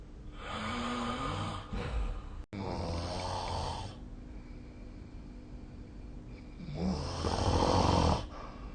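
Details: Snoring during sleep, recorded with a snore-tracking phone app: loud rattling sounds on two inhalations with a quieter breath between.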